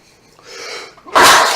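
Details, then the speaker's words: A person sneezes in the middle of a spoken conversation, announcing just before it that they have to sneeze. "I gotta sneeze. Ooh. That's a lot."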